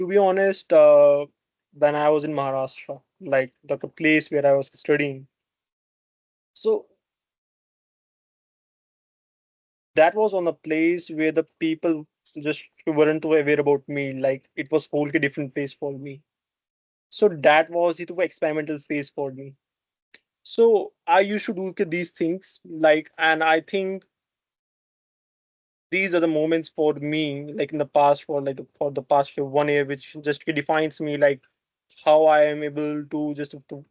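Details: Adult man from India whose stammering began at age four or five, with many blocks while speaking: stuttering.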